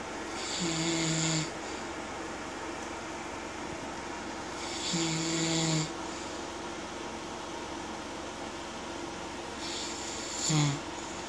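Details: Loud, raspy snores recurring about every four to five seconds over steady room noise from a sleeping husband; ordinary snoring.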